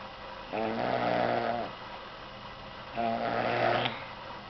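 Two drawn-out buzzing snores on breathing in, about two and a half seconds apart, over steady background hiss.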